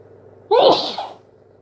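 A single sharp, wet sneeze with a quick explosive burst; sneezing from hay fever.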